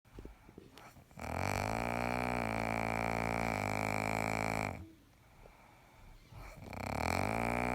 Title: Kid snores like a lawn mower